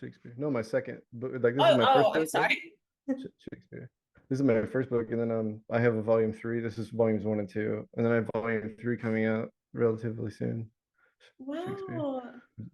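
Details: Adult man with Tourette syndrome whose recurring vocal tic, the word "Shakespeare", is interjected into ordinary speech; he also has word tics and shouting tics; vocal tic (Tourette syndrome).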